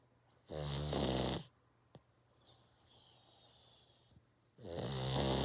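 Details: Sleeping one-eyed rescue pug: two loud, raspy, vibrating breaths separated by a quiet pause with a faint whistle; snoring from a flat-faced dog.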